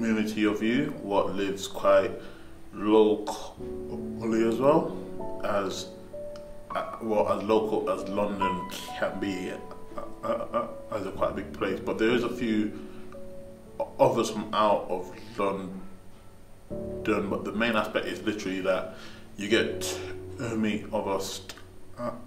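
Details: Young man who stammers, speaking after attending an intensive stammering management course; stammering (stuttering).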